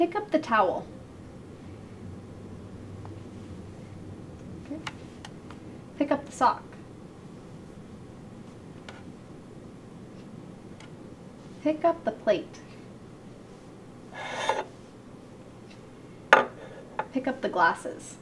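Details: Adult clinician giving spoken directions; Normal speech.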